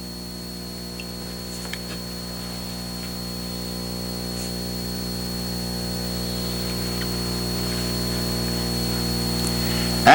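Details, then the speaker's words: Ultrasonic scaler with flat P3 tip during root scaling of a patient with heavy supra- and subgingival calculus and inflamed gingiva: steady high-pitched whine over a constant hum, slowly rising in loudness. "Either a vertical or horizontal motion may be used in scaling. Keep the tip in motion, but in contact with the root surfaces being scaled."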